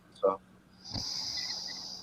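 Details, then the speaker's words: Snoring heard in the background of a recording: a person snoring. "here's some noise what is that noise highly snoring it seems snoring i thought so"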